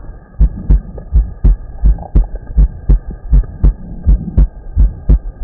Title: Heart Auscultation